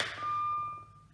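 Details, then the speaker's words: BD Alaris syringe pump training demonstration: line clamp closed to trigger a red high-priority occlusion alarm, a single steady electronic tone that fades, and the pump stops infusing. "if you get a red indicator so for example if I bring down my clamp here alright you get a red indicator and the pump will actually stop infusing okay"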